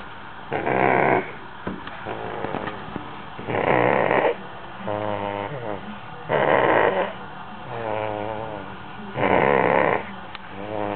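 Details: Loud rhythmic snores about every three seconds, roughly 20 a minute, with quieter whistling breaths between them; snoring.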